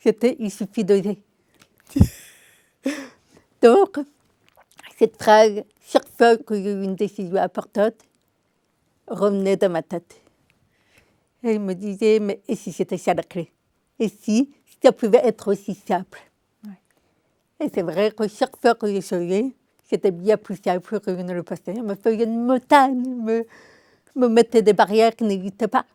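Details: Adult woman with congenital deafness diagnosed at 9 months, told she would never speak, who learned to speak through 20 years of speech therapy three times weekly; she says her deafness is audible in her voice; deaf speech (congenital hearing loss).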